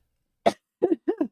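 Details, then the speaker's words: Adult woman with asthma, wheezing and short of breath today, gives one sharp cough then two shorter throaty coughs while speaking. "So, can y'all hear that when I'm wheezing? My asthma's been crazy today."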